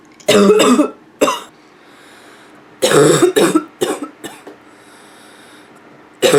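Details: Female with nonstop barking cough: about eight harsh, loud coughs in quick uneven bursts, with some throat clearing toward the end; barking cough.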